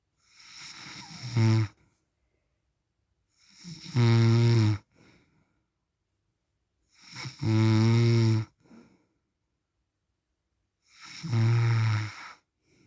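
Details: Real recording of an adult man (husband/dad) snoring in sleep: deep, rumbling snores about 17 a minute, with quiet pauses between them.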